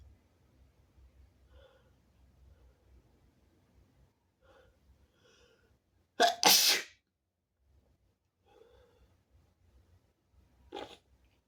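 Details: Person lying in bed sneezing with a dog nearby: quiet room with soft breathing, then a sharp double sneeze and one smaller sneeze.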